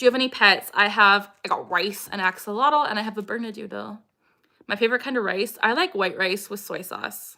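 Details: Girl with Tourette syndrome; a recurring vocal tic phrase she acquired through echolalia, produced in an imitated nasal voice rather than her own; vocal tic (Tourette syndrome).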